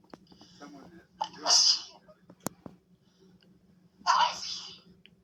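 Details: Two sharp, hissing sneeze bursts from a young woman, with a quick breath in before the first, in a quiet room; sneezing.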